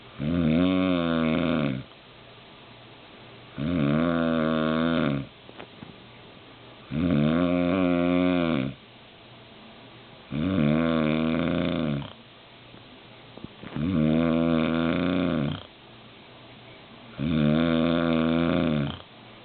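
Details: Adult man (dad) snoring heavily while mom tries to sleep: loud, rattling snores with each breath, about 18 a minute, with quiet gaps between them.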